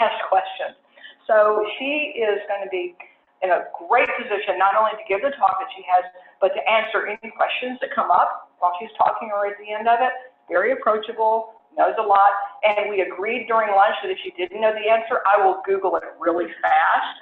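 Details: Adult speaker; Normal voice.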